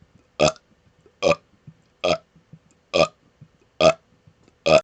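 Six short, loud, voiced belches in quick succession, roughly one every 0.8 seconds, with quiet gaps between them; repeated burping.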